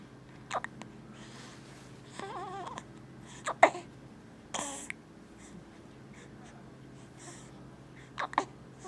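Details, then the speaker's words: Infant with hiccups, also pooping a little: brief, sharp, repeated catching sounds every couple of seconds over quiet room noise, typical harmless baby hiccups. "Feel better? No? Still got the hiccups."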